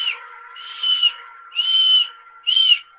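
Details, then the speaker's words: Three high-pitched musical whistles, one with each breath out; widespread expiratory wheezes (sibilancias), given as the classic sound of asthma and audible even from a distance. "pero el asma siempre se presenta con sibilancias las sibilancias son ruidos externos al pulmón normalmente no se escuchan son ruidos espiratorio de alto tono general"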